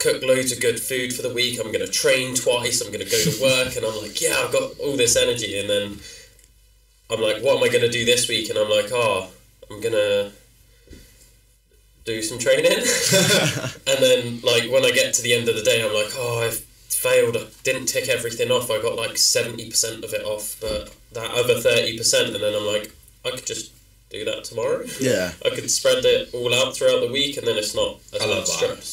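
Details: Adult male speaker; typical speech.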